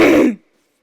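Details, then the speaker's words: Throat clearing with congestion: an adult who is sick again, with the cough gone but still very congested, gives a single harsh, wet-edged throat clear. "It's more of a congestion thing than a cough thing. My cough is gone. I'm just really congested now. So, as you can hear."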